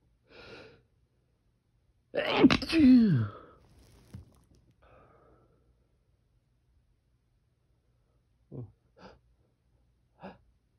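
A sharp inward breath and one loud, forceful sneeze, followed by a few soft sniffs; an ordinary strong sneeze.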